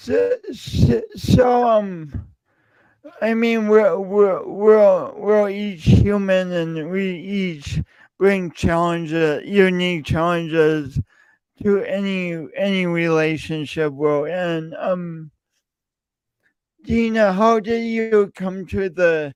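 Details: Male speaker who self-reports an audible speech impediment present whenever he speaks; speech impediment with disfluency.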